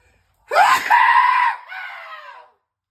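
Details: A single loud, high-pitched, scream-like sneeze from an adult man, with a sharp onset and trailing wail; sneeze.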